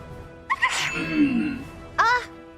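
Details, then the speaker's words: Adult double sneeze, which the person suspects is from pollen allergies: a voiced sharp intake, an explosive noisy sneeze with a trailing vocal sound, then a shorter second burst, with faint background music. "The rare double sneeze. Actually, not that rare. I'm just sneezing."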